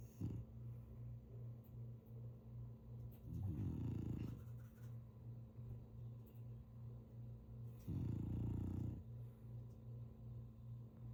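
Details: Snoring in a sleeping French Bulldog (flat-faced breed): two long, low buzzing snores over a steady low background hum.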